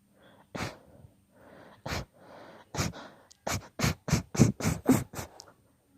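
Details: Long induced sneezing fit: about twelve sneezes, soft breathy build-ups early, then quick successive sneeze bursts.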